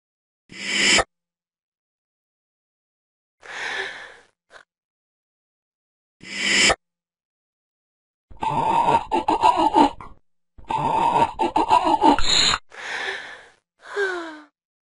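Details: Breathy snorts separated by silent gaps, then two long, harsh, rattling snores and a final gasp: loud snoring with gasping breaths.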